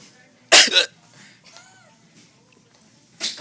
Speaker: it's weird I get the hiccups and then I cough and it does it see